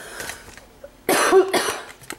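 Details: After a quiet moment, two harsh, forceful coughs in quick succession in a small quiet room, possibly triggered by a smell from a box: a plain cough.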